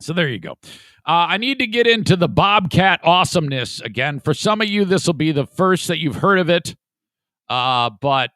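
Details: Adult male speaker; Ordinary speech.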